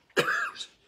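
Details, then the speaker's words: A preacher coughs during a recorded sermon and says he is fighting a cough. "i'm fighting a cough as you can hear but i'm winning"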